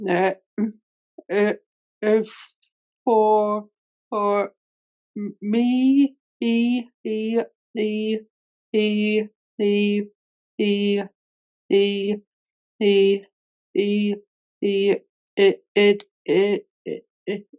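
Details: Real recording of an adult who stutters, a panelist in a workplace panel on stuttering; stuttering.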